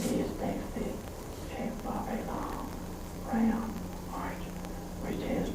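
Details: Elderly man with left vocal cord paralysis, immobile cord leaving a big glottic gap with poor closure and aspiration of liquids; weak, very breathy voice; breathy dysphonia from vocal cord paralysis.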